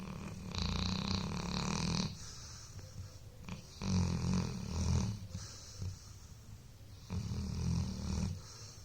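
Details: Dog (Buddy) sleeping after a long day of playing: loud, rattling snores with each breath, about three breaths in nine seconds, over a low room hum; typical dog snoring.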